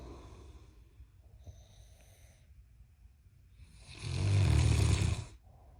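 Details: A single loud, low, rattling snore on an in-breath following quieter breathing, from a clip of a giant Mastiff puppy and a husband snoring loudly.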